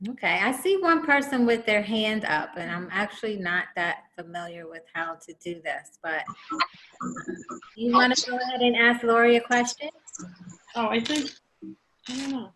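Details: Adult woman; typical speech.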